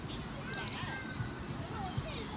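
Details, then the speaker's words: Two short high beeps from a BeneCheck Plus blood glucose meter, self-tested at home by a 50-year-old man: the meter counts down 5 seconds after the blood sample and then shows 6.1 mmol/L. "It gets a sample for the blood. It counts for 5 seconds, and there you go."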